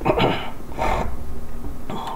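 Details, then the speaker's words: Three short, abrupt coughs from an adult man who has had hiccups for about a day, separated by brief pauses over a low steady room hum. "So I'm just going to head and sound, we'll continue talking. That sounds silly with my hiccuping and coughing."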